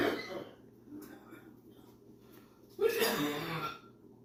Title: hardest coughing ever. #funny #cough #wow